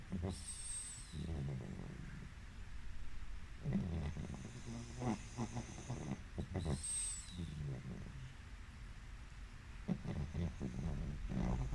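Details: Pug dog napping and snoring: low rattling, snorting breaths with whistling nasal squeaks on some breaths, typical flat-faced dog snoring in sleep.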